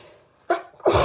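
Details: Two sharp sneezes in quick succession, the second louder and harsher; repeated hay fever sneezing.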